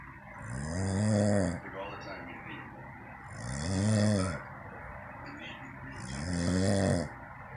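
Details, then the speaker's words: Adult man asleep: loud, deep rattling snores on each breath in, about three over seven seconds, with quiet breaths out between, likened to a gorilla; heavy snoring. "This is my husband, and he snores like a gorilla."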